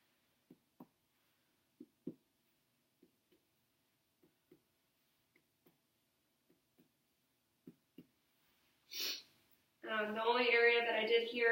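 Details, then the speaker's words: Abdominal percussion on a 31-year-old male volunteer with empty bladder during a nurse practitioner student's head-to-toe assessment: paired soft finger taps, hollow resonant over air-filled bowel, with some dullness over right upper quadrant (liver) and left (spleen). "some dullness was up in this right quadrant in the left quadrant which your right quadrant your liver and the left quadrant is your spleen"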